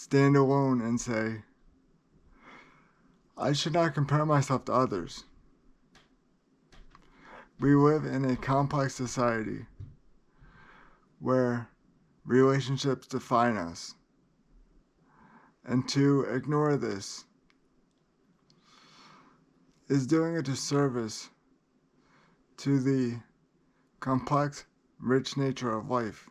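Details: Adult man with cerebral palsy who describes great limitations and reports feeling unwell; dysarthria (cerebral palsy).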